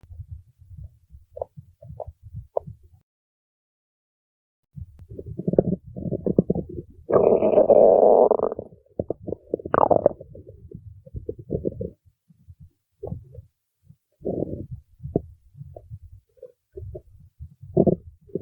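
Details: Stomach growling (borborygmi): low gurgling rumbles and bubbling, with a louder sustained growl in the middle.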